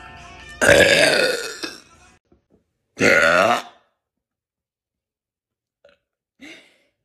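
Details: Two loud, drawn-out burps then a short faint one; burping, from a compilation of loud burps and drunk hiccups.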